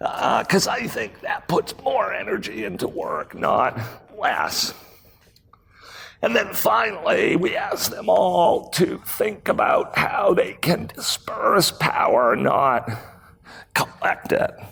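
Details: Real adult man with spasmodic dysphonia, a rare voice disorder acquired in 2010, recorded at a 2018 keynote; his throat muscles spasm and contract when he talks, sometimes making speaking difficult. Finding: spasmodic dysphonia.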